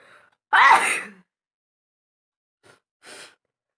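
One loud, explosive sneeze with a hissing burst of air, followed after a pause by a softer breathy sound; the sneeze is acted.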